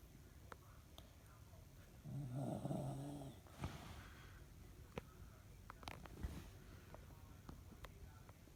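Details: Snoring: a single low, rattling snore lasting about a second, over steady room noise and scattered clicks.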